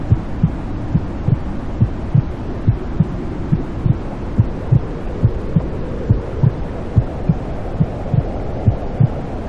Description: Womb sounds can have a soothing effect on newborns and can help them sleep. While in the womb, a baby is constantly surrounded by the sound of their mother's heartbeat, as well as other sounds such as blood flow, breathing, and digestive noises.